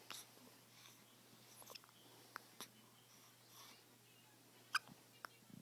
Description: 5 days old, and baby has the hiccups!